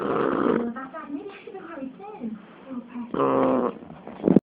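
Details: Nine-week-old Shar Pei puppy snoring all night: loud rattling, snorting snores with snuffly, squeaky sounds in between.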